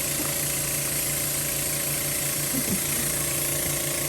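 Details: Child with a tracheostomy during routine trach suctioning: steady mechanical hum and rattle of the suction machine; suctioning can provoke coughing.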